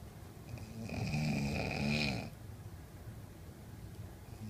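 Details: Father snoring: one loud, fluttering snore lasting about a second over steady room hiss.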